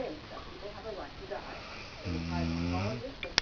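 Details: Drunk man who passed out asleep, snoring: quiet breathing and faint room sounds, then a low, vibrating, buzzy snoring breath near the end.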